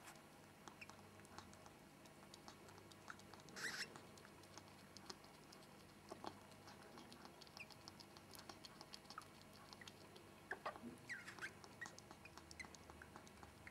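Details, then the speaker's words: Newborn sable ferret kit crying right after birth, the first kit just born as the mother cleans it: faint high squeaks over soft rustling and pattering. "vous pouvez entendre le cri du premier bébé né Le premier furet vient de naître."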